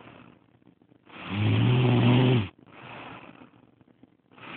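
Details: A sleeping woman snoring even though she claims she does not snore: a deep, rumbling snore on the breath in, followed by a softer breath out; ordinary snoring.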